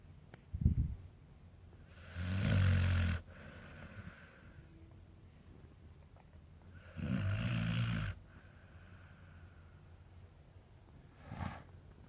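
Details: American Akita dog snoring in sleep: two loud, deep, rattling snores about five seconds apart, with quiet breathing between.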